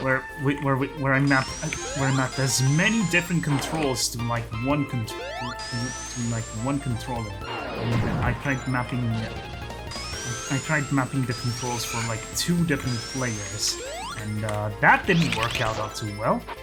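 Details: Man who calls his own speech a 'stuttery mess'; repeated words and phrases; stuttering.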